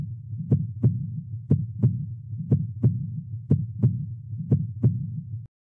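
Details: Normal first and second heart sounds (S1 mitral closure, S2 aortic closure), regular at 60 bpm, labeled on a parasternal long axis echocardiogram.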